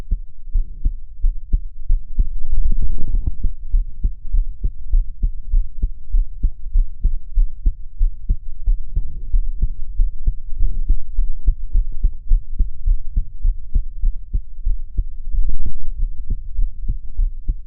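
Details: Own heartbeat recorded from the chest while crying: fast heartbeat with swells of muffled breathing or sobbing noise.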